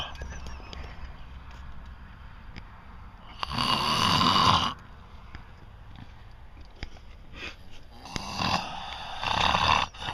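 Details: Sleeping adult's loud sinus snoring, competing with a stereo's volume and with laughter faintly audible: two loud, rough snores with low rumbling and hissing air, separated by quieter breathing; snoring.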